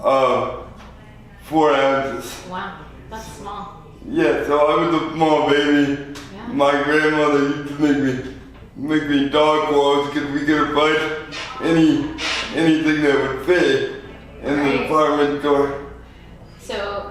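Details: 24-year-old man with lifelong spastic quadriplegic cerebral palsy after premature birth at 2 lb 4 oz; dysarthria.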